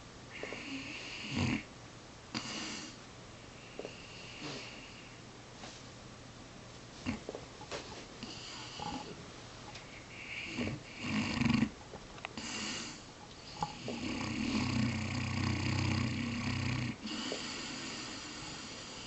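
Soft, irregular snorting snores with sniffs from sleeping dogs over a quiet room hiss; ordinary snoring.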